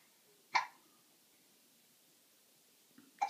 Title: Helicopter Hiccups